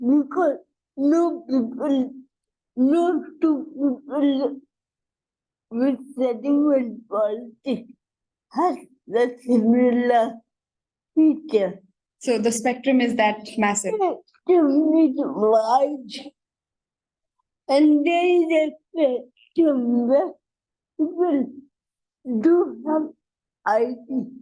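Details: Dysarthria in an adult woman with cerebral palsy, real speech.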